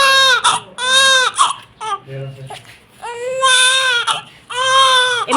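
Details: Newborn baby girl crying: loud, rhythmic crying in repeated bursts with brief pauses for breath, a vigorous, typical infant cry.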